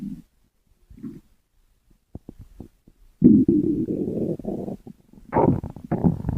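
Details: Stomach growling (borborygmi): low gurgling rumbles and short bubbling pops coming from the belly in bursts, the ordinary sound of gas and fluid moving through the gut.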